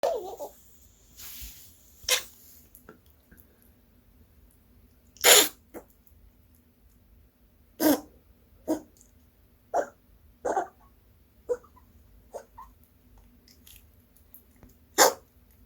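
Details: Female Maltipoo puppy taken to the vet for cough (pneumonia/bronchitis suspected): short, sharp, isolated coughs or sneeze-like bursts, about a dozen over fifteen seconds.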